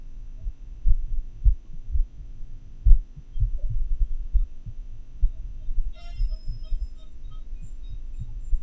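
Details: Heart sounds recorded with a homemade funnel and desktop microphone during an atrial fibrillation episode: low muffled thumps at uneven, unpredictable, irregularly irregular intervals.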